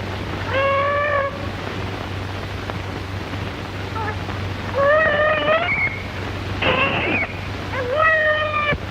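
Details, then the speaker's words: A newborn's first cries, several short, high, wavering wails over a steady mains hum, at a low cervical cesarean section filmed in 1936 at the Chicago Lying-In Hospital. "Be brave. Don't squirm. Breathe quietly. And in a very few moments, you will hear the baby cry."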